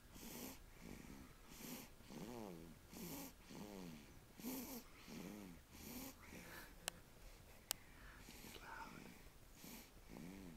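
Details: Rhythmic, whistling snores from a sleeping dog, about eight breaths in ten seconds, with a couple of sharp clicks in the background; snoring.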